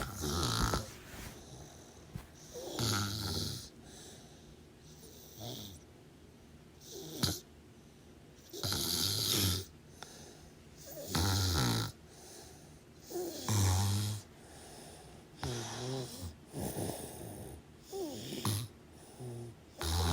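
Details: Snoring during sleep, recorded over about 25 minutes: repeated rattling snores with snorting breaths, about 13 breaths a minute; loud snoring.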